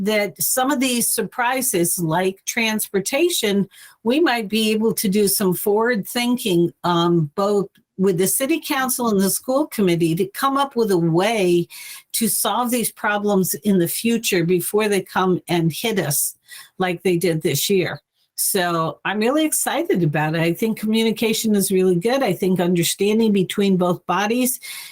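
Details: Adult woman speaking; Normal voice.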